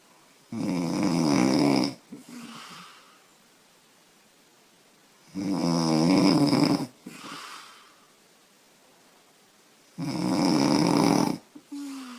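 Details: 25-year-old woman snoring loudly, said to happen after drinking beer: three loud, rough inhaled snores, each about 1.5 seconds, with softer breaths out between; about 14 breaths a minute.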